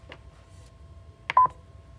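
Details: Nurse testing a defibrillator: steady faint electronic tone with a brief pair of beeps during the device's self-test, a normal check.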